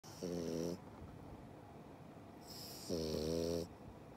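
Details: Sleeping French Bulldog puppy: two loud, buzzing snores on the in-breath with a hissing out-breath between; typical snoring from a narrowed airway in a flat-faced breed.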